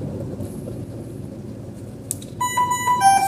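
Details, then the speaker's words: Dräger Savina 300 ventilator medium-priority alarm, shown with yellow indicator during an alarm check: repeating tonal beep pattern with a pitch step down over low room rumble. "alarm prioritas menengah ini warna kuning terlihat dan terdengar ya"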